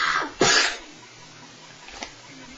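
A single sharp, explosive burst of air follows a brief breathy intake, then quiet room noise: one sneeze.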